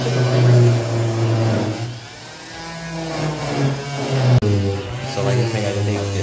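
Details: Plaster cast removal after six weeks: steady motor whine rising and falling as an oscillating cast saw bites through the plaster.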